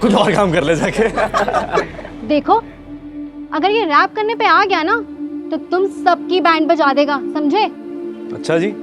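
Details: Adult speaking Hindi, acted scene with background music; normal speech.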